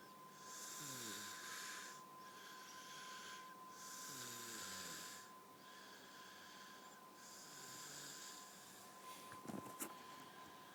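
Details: Slow, breathy whistling snore, about three breaths over ten seconds over a steady hum, from a person asleep after a night out.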